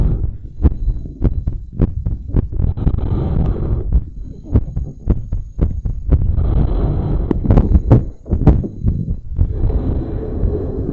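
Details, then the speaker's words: Heartbeat recorded with headphones held against the rib cage by a belt, after bouncing around and blowing up a balloon: fast, regular thumping at roughly 110–120 a minute over rubbing and breath noise; normal heart sounds, raised rate. "so that was five uninterrupted minutes of heartbeat"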